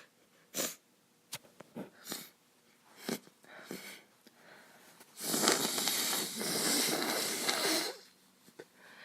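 Several short sniffs and a long, forceful sneeze-like burst of air in a quiet room; repeated sneezing during an illness.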